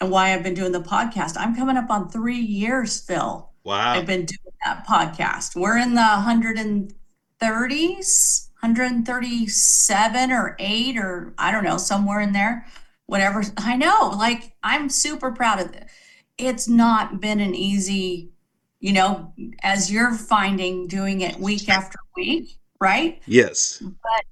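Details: Adult woman speaking, with brief replies from another person; Normal fluent speech.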